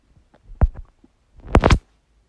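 Two low, rumbling gurgles, the second louder and longer; ordinary stomach gurgling from gas and fluid moving through the gut.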